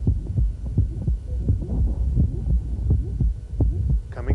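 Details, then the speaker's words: Hypertrophic obstructive cardiomyopathy in a man performing handgrip: squeaky mid-systolic murmur at about 86 a minute that comes on, then disappears as handgrip raises afterload. "so let's listen as he goes through the sequence of handgrip and listen to the what happens with the murmur there it comes on and it's gone"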